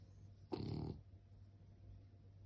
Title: french bulldog Snoring